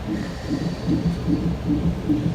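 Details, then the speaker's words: Fetal heartbeat on a hospital monitor: rapid, regular, strong whooshing beats at about 150 a minute. "The heartbeat sounds so strong."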